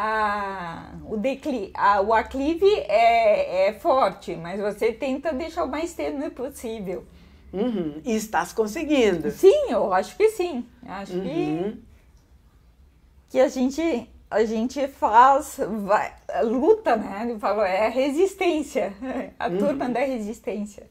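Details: Ataxic dysarthria in a woman with hereditary autosomal dominant spinocerebellar ataxia (Machado-Joseph disease) affecting her speech; symptom onset at 38, diagnosed at 40.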